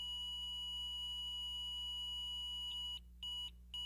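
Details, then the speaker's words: HeartStart MRx monitor-defibrillator training: a continuous tone of about 10 seconds breaks into intermittent beeping for 5 seconds, the charged-ready signal; the shock must be given within 15 seconds or the device disarms itself. "a continuous tone will sound for 10 seconds followed by an intermittent beeping for 5 seconds"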